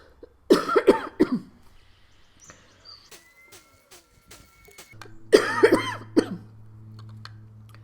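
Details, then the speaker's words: Productive cough in an adult with bronchiectasis and NTM lung infection during airway clearance with nebulized saline and an oscillating flutter PEP device: two bursts of three loose, wet coughs bringing up sputum, with clicks and breaths between. "generally after about three minutes of this the good stuff starts coming up"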